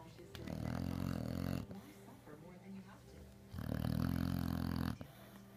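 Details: Loud snoring: two loud, rumbling, vibrating snores on breathing in, with quiet breathing out between them.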